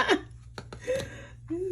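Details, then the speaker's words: Someone sneezes once, sharply and noisily, while seasoning chicken with black pepper, saying pepper always brings on the sneezing. Small breathy sounds follow in a quiet room. "Ok Herre herre, her kommer det nysingen min, unnskyld gutta nyser alltid hver gang herregud, jeg prøver å la være, men så snart den sorte pepperen kommer ut den kommer"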